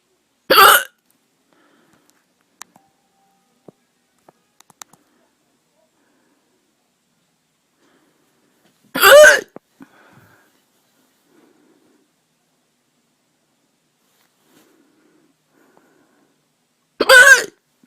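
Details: Person with hiccups of unknown cause: three sharp, brief hiccup sounds about eight seconds apart in a quiet room; hiccups.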